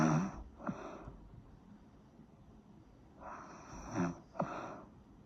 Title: Snoring sound